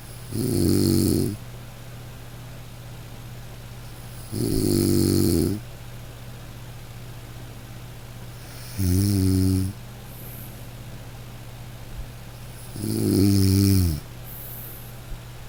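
Slow, regular snores, about 14 a minute, each a low rattling in-breath with quiet pauses between; ordinary snoring.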